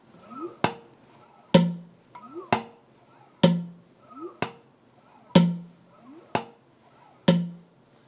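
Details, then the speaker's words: Spirometer calibration syringe strokes simulating a normal high-flow pattern: rhythmic sharp knocks about every second with rising whooshes between, validating the spirometer at high flow before medium and slow flows, after entering 763 atmospheric pressure and 20.5° temperature. "siguiente iremos a flujos medios a un ritmo más lento y finalmente a un ritmo un ritmo muy lento que nos va a permitir evaluar si mide Exactamente lo mismo a flujos bajos medios y Rápidos"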